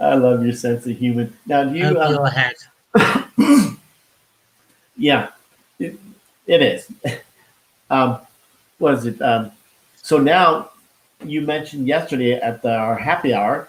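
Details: Expressive aphasia after a stroke with heart attack in 2016 in a man, now 53, who could not talk at first and still loses words; hospitalised five months.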